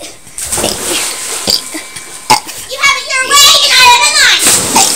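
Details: Child deliberately burping the alphabet: talking, then drawn-out belches sounding like voiced letters, with others talking nearby.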